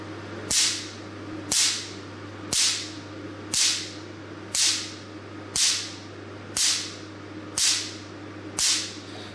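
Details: Picosecond laser machine fired in a stability test, energy stepped low to high: sharp, loud, crisp snaps about once a second over a steady hum. The crisp snap reflects a very short pulse.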